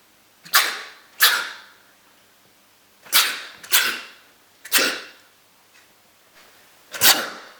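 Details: Sneeze attack: six sharp, hissy sneeze bursts in quick succession, each fading quickly.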